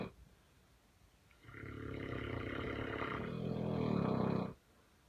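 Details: Snoring from a sleeping Neapolitan Mastiff, one of a mother-daughter pair: one long, loud, rough rattling snore that swells in strength, then stops abruptly.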